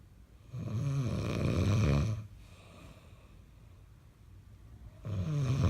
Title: Hubby snoring